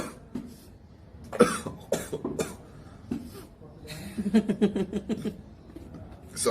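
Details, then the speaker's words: A streamer gives several sharp coughing and throat-clearing bursts with some talk, a choking cough after coffee went down the wrong way during a hiccup and briefly left him unable to breathe. "though I did a hiccup when I drank the coffee and then the coffee went in my lungs and I couldn't breathe her a second"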